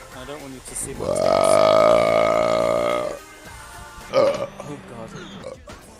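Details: Woman streaming live belching: one long, loud, voiced belch of about two seconds, then a short second burp, with background music; burping.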